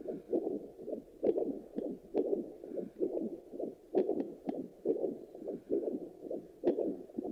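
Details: Handheld fetal Doppler used on the mother after delivery picks up steady, rhythmic whooshing pulses of an adult heartbeat, a normal heartbeat.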